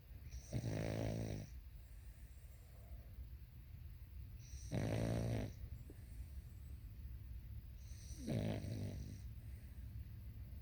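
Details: Three rhythmic, low rumbling snores on each in-breath, about 16 a minute, with quiet breathing between, from a sleeping dog; snoring.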